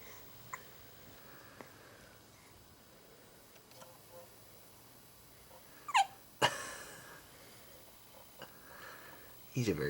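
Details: A few short, sharp, irregularly spaced hiccups from a dog in a quiet room; a dog hiccup episode.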